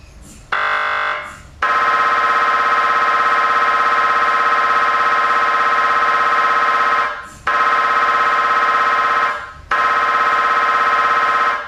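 Loud, steady electronic buzzing tones in long blocks with brief pauses, the typical gradient noise of an MRI scanner during imaging.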